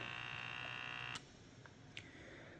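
A steady electronic tone that stops abruptly, followed by quiet room sound; a wrist blood pressure monitor signalling the end of its measurement.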